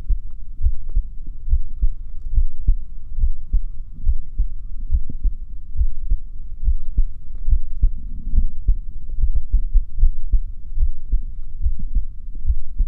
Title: my heartbeat sound